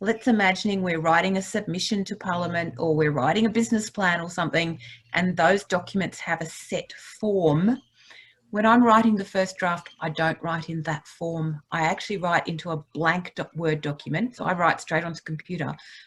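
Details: Adult woman speaking; normal speech.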